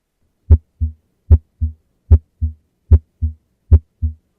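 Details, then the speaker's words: Normal heart sounds: regular lub-dub at about 75 beats a minute, normal rhythm with no extra sounds or murmur. "and so you can hear those normal heart sounds"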